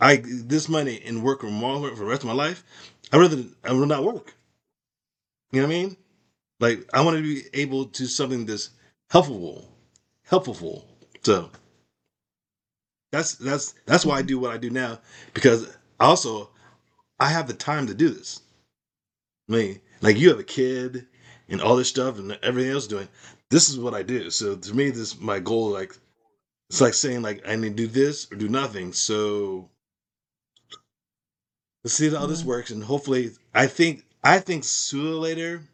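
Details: Adult male with aphasia after a stroke, doing ongoing speech practice as part of stroke recovery.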